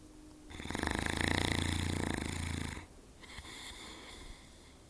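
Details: Sleeping Saint Bernard dog snoring: one long, loud, rattling snore lasting about two seconds, then quieter breathing noise.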